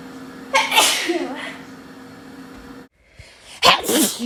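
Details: An adult chronic sneezer with hay fever gives two loud, sharp sneezes a few seconds apart; allergic rhinitis sneezing.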